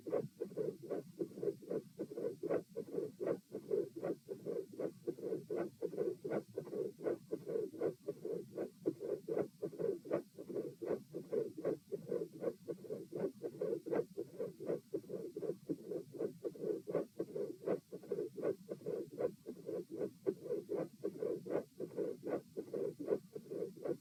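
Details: Heart sounds recorded at position P with the patient supine: steady, regular beats with a quiet, soft mid-systolic murmur.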